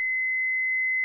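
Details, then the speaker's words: Steady, continuous high-pitched tone from a HeartStart XL+ monitor/defibrillator in manual mode with external paddles, orange shock buttons flashing after charging to selected energy in a demonstration: defibrillator charged and ready, make sure no one is touching the patient. "the orange shock buttons on the paddles flash to indicate that defibrillator is charged make sure no one is touching the patient or anything connected to the patient"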